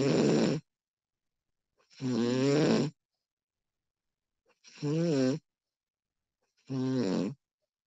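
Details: Recording of a woman snoring: four loud, rough, buzzing snores on the in-breath, roughly 25 per minute, with silent pauses between them; snoring.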